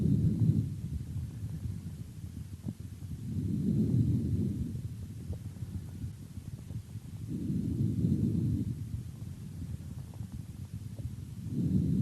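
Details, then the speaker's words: Normal vesicular breath sounds heard over the lungs: soft, low rustling breaths at about 15 a minute, with a longer, louder inhalation and a faint exhalation. "над всеми другими отделами легких выслушивается везикулярное дыхание"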